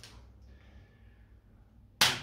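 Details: Chiropractic Activator V adjusting instrument used on a woman with a stiff right shoulder and knee, probably from Zumba: a single sharp snapping click at the shoulder in a quiet room; adjusting instrument click.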